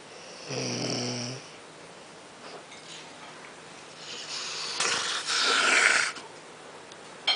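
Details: A man fallen asleep: a low, rattling snore on the in-breath followed by a long noisy out-breath, one snoring breath cycle in a quiet room.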